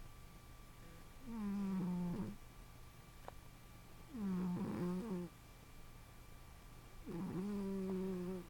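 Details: A female pet cat asleep on a couch snores. The snores are rhythmic, buzzing and slightly whistling, about every three seconds (near 21 per minute), and start around 0:40 in a quiet room.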